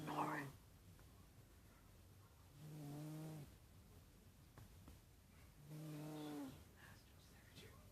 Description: I found it funny to hear my cat snoring...loud